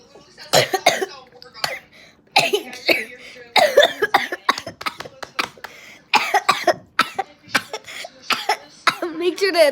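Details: Dry, repetitive coughing in short bursts breaking up a child's voice, with background sounds.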